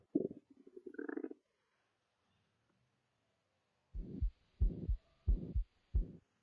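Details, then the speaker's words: Abdominal auscultation with a stethoscope during an acute abdomen exam, after the patient rolled onto the right side and back: a short gurgle, then soft rhythmic low thumps, bowel sounds present. "Y ahora vamos a escuchar ruidos hidroaéreos."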